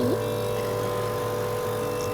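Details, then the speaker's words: Steady electric motor hum of a suction machine running before tracheostomy suctioning, catheter inserted 12 cm, in an infant on a ventilator with a trach and G-tube who also has ectopic atrial tachycardia. "so we always have to go 12 centimeters in from the tip of his trach so we turn on the suction machine pop off his vent"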